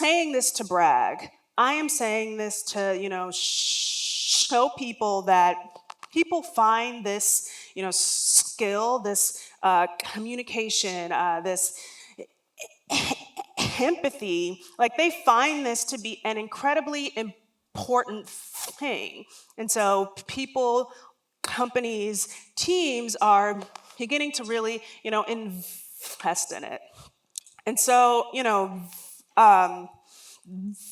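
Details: Real lifelong stuttering in an adult woman, heard during a public talk.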